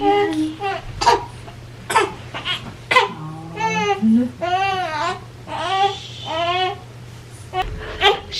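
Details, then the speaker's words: A 3-week-old baby girl woken three hours after her last feed: short fussy whimpers building into rhythmic rising and falling wails over faint room hum, a newborn hunger cry before nursing. "so my daughter woke up and I am nursing her right now it's been three hours since she actually ate"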